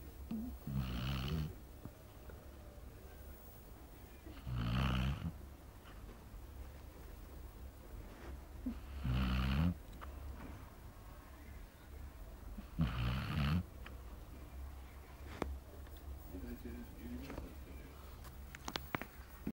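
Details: A basset hound snoring steadily in sleep, its head covered by its own ear because flies kept it awake: deep, rattling snores about every four seconds, roughly 15 breaths a minute, with quiet pauses between.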